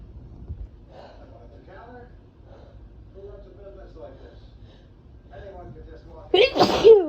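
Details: Sneezing in an ill person, sick about two months earlier and tested negative for COVID: quiet murmuring voices, then one loud, sudden sneeze near the end.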